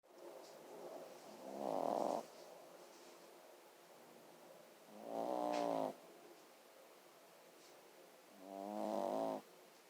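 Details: Sleeping dog snoring: three rattling inhaled snores, about 18 a minute, with quiet breathing between.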